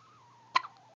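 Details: Hiccups: a single sharp, abrupt burst over a quiet background.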